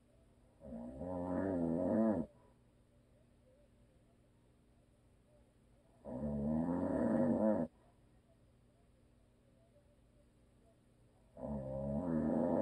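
Loud rattling snores on each breath in, about 11 a minute, with quiet pauses between; habitual snoring during sleep.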